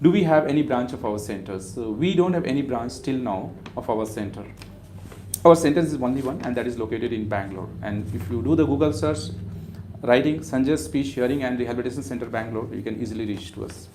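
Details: Adult male speaker; normal speech.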